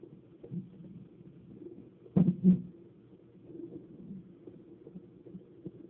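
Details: Normal fetal heart tones on Doppler: soft, rapid, whooshing fetal heartbeat about 150 beats per minute, within the normal fetal range.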